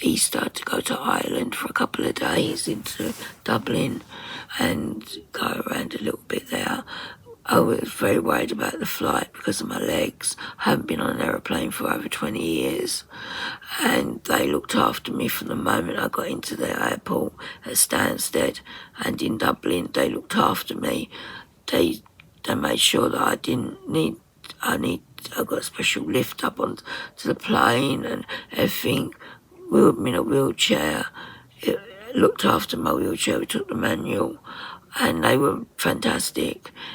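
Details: 57-year-old woman with voice dysphonia from very tight, stressed laryngeal muscles, beginning after COVID pneumonia and also affecting swallowing; ENT found mucus and a laryngeal infection; in speech therapy; voice distorted, sometimes lost; muscle tension dysphonia.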